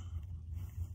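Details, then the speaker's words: Sleeping bully-breed dog snoring: a low, fluttering rumble in a quiet room. "If y'all do hear it snoring, that is my dog. I have a bully, his name is Papa, and he's back, and y'all will be meeting him eventually."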